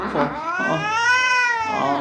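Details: A long, drawn-out, wavering yowl from an American Shorthair pet cat, never heard before by the owners, during a veterinary health check with blood test, X-ray and ultrasound; a stress cry.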